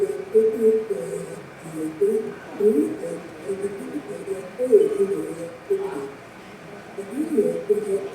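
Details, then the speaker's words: Simulated hearing loss (38%) applied to speech presented in background noise: muffled, much quieter speech blended with noise, words unclear, with both speaker and noise hard to hear. "So the speaker and noise are both difficult to hear. One of the things you're going to hear is kind of a muffled sound, and it's much quieter."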